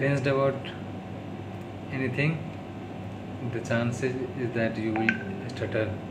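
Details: Adult man with stammering in daily speech-therapy practice (day 36), speaking English; his worst stuttering yet, worsened by tiredness, stress and low mood; stuttering.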